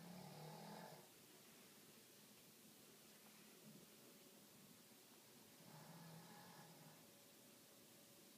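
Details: An adult snoring during sleep: two low, rough snores about five seconds apart against steady room hiss, a slow sleep breathing rate.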